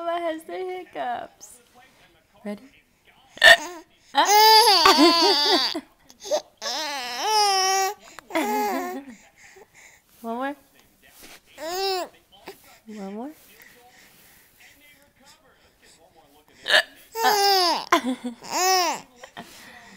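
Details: Mother's brief, abrupt adult hiccups, each followed by high-pitched infant giggles and squeals as the baby laughs at them; hiccups.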